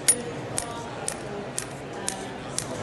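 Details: Storz Medical SPINE-ACTOR forked radial shockwave transmitter on tight thoracic spine of an Olympic athlete, aimed at about 60 degrees to mobilize the vertebral joints in a flexed position. Sharp regular clicking pulses about two per second; patient reports it comfortable, with muscle twitches.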